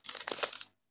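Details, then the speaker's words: Torn paper imitating bone crepitus of a fracture, the grating of broken bone ends rubbing together, as felt on palpation during physical examination: brief crackly crinkling sound, simulated. "kira-kira bunyinya seperti itu saya selalu ambil kertas ini anaknya kalau online seperti ini itu bisa menirukannya langsung jadi seperti kertas yang dirobek ya ya karena pergeseran tulang dengan tulang ya"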